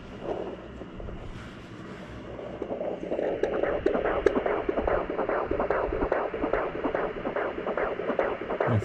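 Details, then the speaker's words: Wife at 17 weeks pregnant, home handheld Doppler with gel pressed hard on the abdomen, hard to locate, rapid regular whooshing pulses about 145 per minute: fetal heartbeat. "it's hard to find but once we find it we're good"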